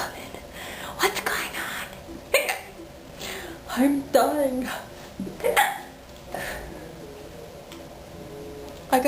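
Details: Repeated hiccups: about five sharp, abrupt gulping hiccups with soft speech and breathing between them during a hiccup attack.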